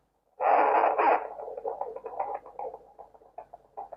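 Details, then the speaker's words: Fetal heartbeat on Doppler, fetus positioned high above the navel, mother told to calm her breathing: rapid, rhythmic whooshing pulses, somewhat fast, counted at 140 beats per minute; normal fetal heartbeat. "Nah ini agak cepat ya Nah Ibu tenang Ya atur napasnya supaya denyut jantungnya bisa bagus"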